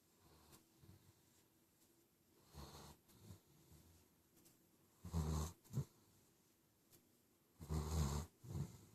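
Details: Animal snoring while being rubbed to sleep: soft, low rumbling snores in irregular bursts, growing louder toward the end.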